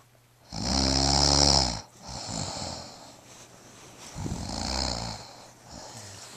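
A loud, rattling snore on one breath, followed by softer, rougher breaths with quieter snoring in a small room: snoring.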